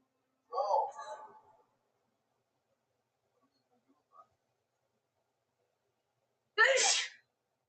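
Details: Sneezing fit in a woman, a looped edit: two explosive sneezes a few seconds apart, the first trailing off, with a faint breath between.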